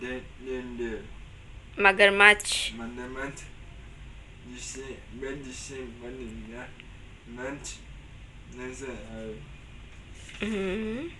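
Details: Boy assessed with a phonological disorder and language delay, late onset of speech, not yet building complete sentences or using prepositions properly; describing a picture story; phonological disorder with language delay.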